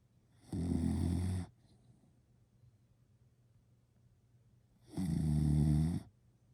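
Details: Two long, loud rattling snores about four seconds apart with quiet breathing between; snoring.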